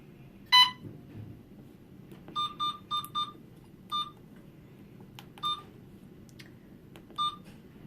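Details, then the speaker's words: Short electronic keypad beeps, one louder lower tone and then a series of brief higher chirps, while programming an Alaris syringe pump (example dose 50 mg in 5 mL) before starting the infusion. "so once you have everything programmed in there all you have to do is hit start and then we'll start infusing your medication"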